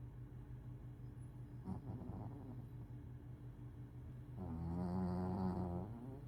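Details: Sleeping person snoring, tagged as snoring and sleep talking, with a remark about needing to diet: low buzzing, rattling snores, with a louder, longer snore near the end.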